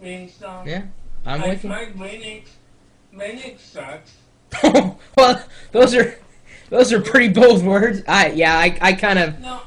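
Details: Adult speaker; speech.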